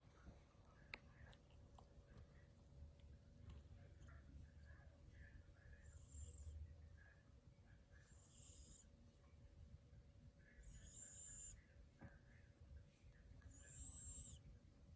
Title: snoring cat